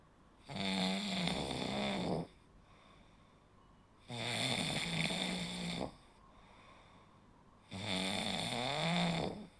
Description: Snoring is the sound produced when airflow is partially blocked during sleep, causing the tissues in the throat to vibrate.